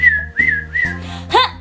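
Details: Person with Tourette syndrome, self-described: short bursts of high whistling with a brief vocal sound, a whistling vocal tic.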